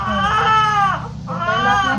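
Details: Loud, sustained wailing cry with a brief pause for breath from a large newborn boy just after fast normal delivery; strong, vigorous newborn cry.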